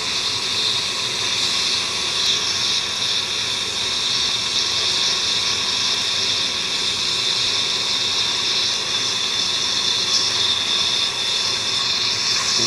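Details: Dental laser with suction during soft tissue removal without anesthesia: a steady, loud, high hiss throughout.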